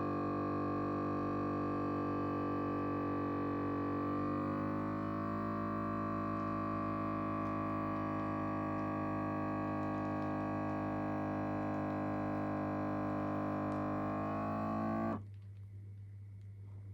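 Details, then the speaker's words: Steady motor whine of a home digital blood pressure monitor cuff inflating on the arm resting relaxed on a table, rising in pitch, then stopping abruptly as the cuff releases; automatic blood pressure cuff inflation. "Then you can switch on the machine. Let's see if it's going to work for me. Just switch on the machine. You hear this sound."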